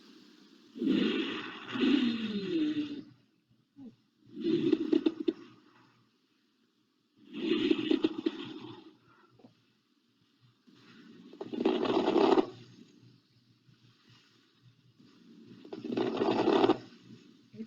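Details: Teaching demonstration of abnormal breath sounds during a cardiac-focused assessment: five loud, harsh breaths with coarse, noisy and musical tones, illustrating stridor (upper airway), asthmatic wheeze and pulmonary edema crackles.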